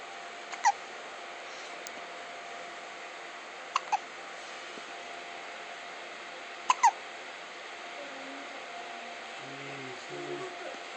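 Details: Baby hiccups: three sharp, brief hiccup sounds, some doubled, spaced a few seconds apart over steady background hum.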